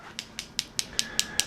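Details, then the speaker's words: Focused shockwave unit (Storz Medical) applied to the cervical spine/neck for neck pain from spinal ligament injury, live demonstration: regular sharp clicking pulses about five per second with a faint tone, energy aimed down to the ligament. "this technology this amount of energy coming from the focus unit is going to be able to get down to the ligament area we can actually start to more or less like to say knock on the joint door here as we get into this so here we go"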